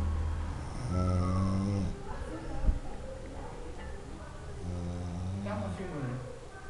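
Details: Loud, low, rattling breaths with a buzzing tone on breathing in, repeating with each breath, from a man snoring loudly; snoring.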